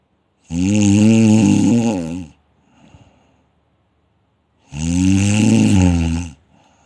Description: Snoring is the hoarse or harsh sound that occurs when air flows past relaxed tissues in your throat, causing the tissues to vibrate as you breathe.